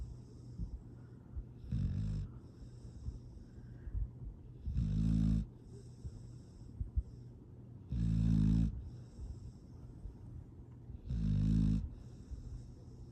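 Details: Slow, soft, regular snoring, about 19 breaths a minute, from a sleeping foster rescue dog; snoring.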